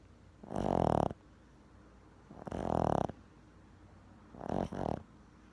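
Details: Snoring during a nap: three loud, rattling snores, each about half a second long, recurring roughly every two seconds.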